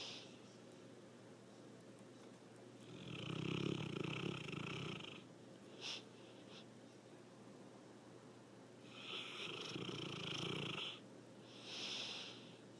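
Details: Slow, soft, whistling-rough snores with breathing and faint background hum during sleep; snoring.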